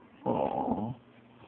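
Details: Snoring from a sleeping dog while someone tries to wake it: one low, rough, rattling breath sound.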